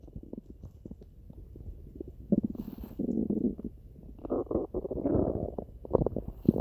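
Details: Stomach growling (borborygmi).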